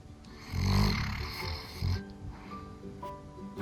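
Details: Sleeping, dreaming Labrador dog snoring: a deep, loud rumbling snore followed by a shorter snort, with music playing behind; snoring.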